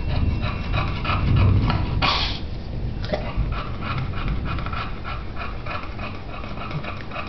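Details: Large bulldog panting with rapid, noisy breaths, roughly three or four a second, while a man talks in the background.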